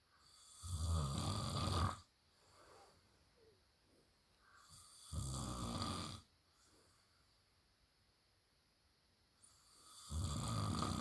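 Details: Husband snoring heavily: loud, low, rattling snores on the in-breaths about every four to five seconds, with quiet pauses between.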